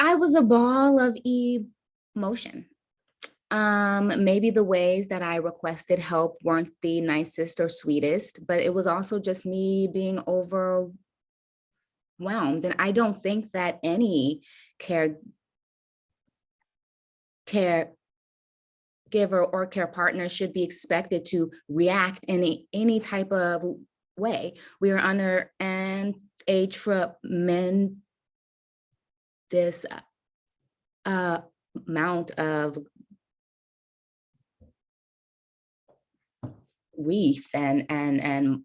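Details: Stuttering in an adult woman caregiver who says she stutters.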